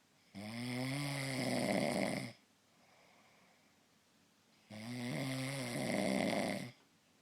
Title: Snore galore